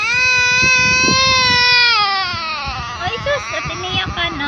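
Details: Baby crying after a cold mug of water is taken away: loud sustained wailing that breaks into choppy sobbing whimpers, an ordinary upset infant cry.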